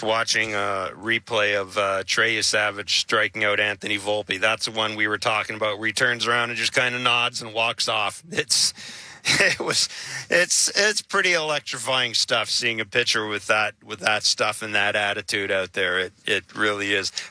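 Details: Adult male speaker; ordinary speech.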